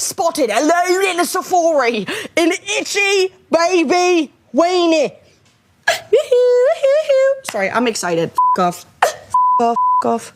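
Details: 21-year-old woman who says she has Tourette syndrome, with verbal tics; Tourette syndrome vocal tics.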